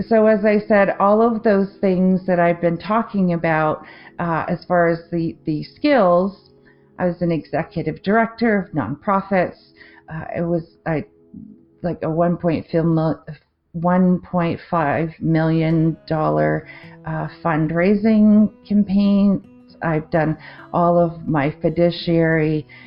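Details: Adult woman with aphasia after a 2023 stroke affecting the left-brain language centre, with word-finding difficulty, confusion with words and difficulty forming sentences; aphasia after stroke.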